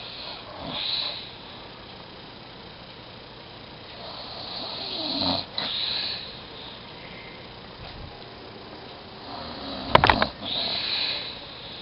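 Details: Grandfather napping and snoring: irregular noisy snoring breaths in a quiet room, then a couple of sharp louder noises near the end as a phone ring wakes him.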